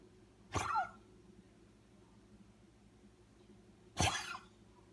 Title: Snoopy coughing